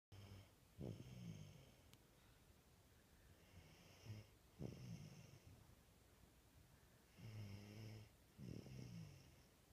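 An infant snores softly in a quiet room, with low rattling snores at about 16 a minute.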